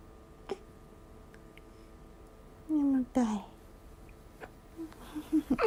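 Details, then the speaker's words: Hiccups in a 20-day-old newborn after drinking milk, possibly too much milk: soft, sharp, isolated hiccup clicks spaced a second or more apart, with faint infant whimpers and adult voices nearby. "じゃあこれ止まらん、つらいね。でもしゃくりかわいいね。"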